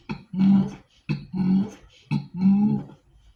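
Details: Woman with Tourette's; throat-clearing vocal tic occurring mid-speech.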